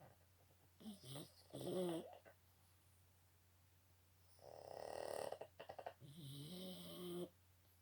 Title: Boston Terriers big snore.